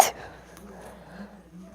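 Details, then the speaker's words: Single tiny, high, squeaky kitten-like sneeze followed by quiet room noise; the sneezer calls it the weirdest sneeze they've ever done. "another red video that was the weirdest sneeze I've ever done but oh well"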